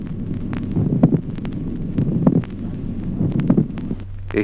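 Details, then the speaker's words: Teaching heart-sound recording: slow heartbeat where a dull second heart sound is closely preceded by a sharp, notable extra sound: late systolic click. "Ejemplo octavo, clic telesistólico. El segundo ruido sordo es precedido a poca distancia por un notable ruido adicional"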